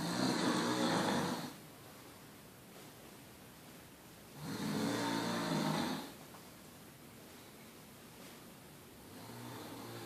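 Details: Loud, regular rattling snores, roughly one every four seconds, with quiet exhalations between; snoring compared with a bulldog's, and the louder snorer turned out not to be the bulldog; dog snoring.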